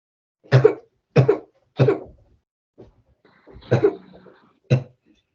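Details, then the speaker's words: About six loud, dry, harsh coughs in quick succession from a child with chronic daytime habit cough absent during sleep, during physician-led suggestion therapy; habit cough. "and it's hard hard to do because your body wants to cough but your mind can control it for a short period of time"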